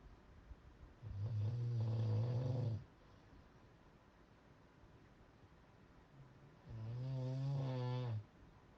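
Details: Loud snoring: two long, deep, rumbling snores about six seconds apart, each lasting nearly two seconds, with quiet between.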